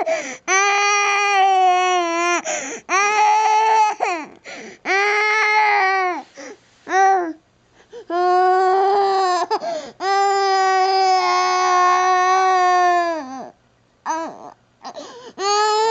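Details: An infant cries with tummy discomfort in loud, sustained long wails with brief gasps between them.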